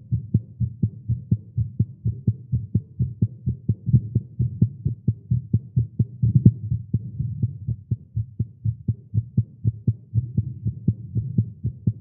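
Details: Male heartbeat after exercise and caffeine: rapid beats, roughly 125 thumps a minute, uneven rhythm over a low hum; fast heartbeat, tagged as irregular.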